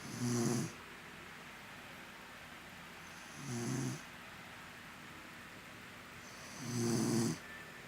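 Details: An exhausted girl snores in sleep: three rough, vibrating snores on inhalation with quiet gaps, about 18 breaths a minute.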